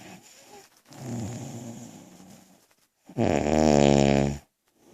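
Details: Person snoring while asleep; a rough, rattling breath in, then a louder drawn-out snorting snore.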